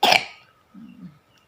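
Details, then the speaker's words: Child almost 4 years old with a cold, runny nose and hoarse voice, just woken, due to see a doctor tomorrow: a single sharp cough followed by a short, faint, low voiced sound. "Dia lagi masih nggak enak dan pilek dan batuk. Tuh batuk dan pilek."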